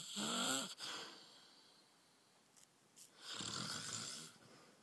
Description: My husband snoring